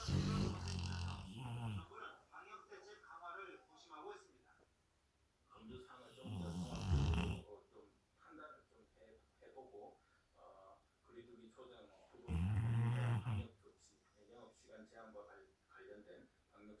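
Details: Sleeping big dogs, a Rottweiler and a Labrador Retriever, both snoring; loud, deep rumbling snores recurring every few seconds, with soft background talk in the gaps; snoring.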